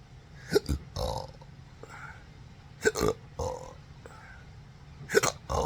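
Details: Adult with a rare condition since December 2015 after surgery, with nerve damage (pudendal, phrenic, vagus) causing involuntary diaphragm contractions: repeated short throaty burps with sharp catches at irregular intervals, belching together with hiccups.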